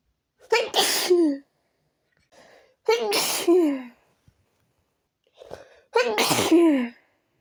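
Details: Three forceful sneezes in about seven seconds, each with a quick in-breath before it, persisting despite changing rooms; repeated sneezing fit.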